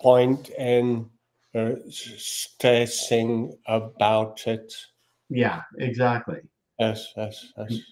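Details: Aphasia in a male speaker.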